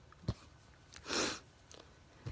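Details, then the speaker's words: An adult, sneezing badly at bedtime while playing pool, takes a brief breath then gives a single forceful, hissing sneeze in a quiet room: sneeze. "Oh my god, I'm playing a game. I should have quit this because I'm sneezing so bad."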